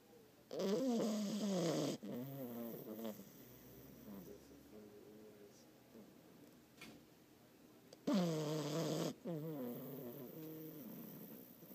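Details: A French bulldog puppy only a couple of months old, asleep, gives loud, buzzing, tonal snores on breathing in, with softer rattly breaths between.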